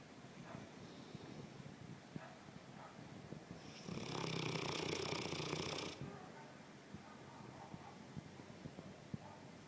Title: Bagheera snoring